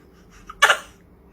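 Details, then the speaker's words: A young girl, prompted by a parent, playfully imitates a sneeze: a small breath-catch, then one sharp, hissing sneeze-like burst. "Evet bir daha hapşırırız nasıl hapşırırız nasıl yaparız Evet hapşu"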